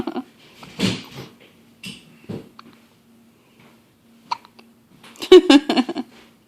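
Short, abrupt voiced catches recurring irregularly, fitting hiccups, with a steady low hum in the room.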